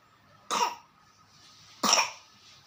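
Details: Young child still coughing but playful after waking up: two short, sharp coughs about a second apart, with quiet room noise between them.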